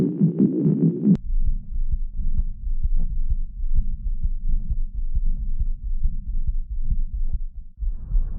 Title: Fetal Heartbeat. Baby Heartbeat. Mommy Heartbeat. Womb Sounds. From Stemoscope.